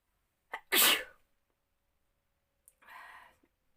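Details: Short inward catch of breath then one loud explosive sneeze and softer second burst, induced by pepper during a sneezing challenge.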